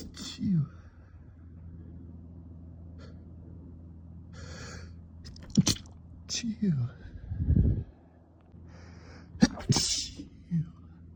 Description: Another late-night sneezing fit, trying my best not to wake anyone up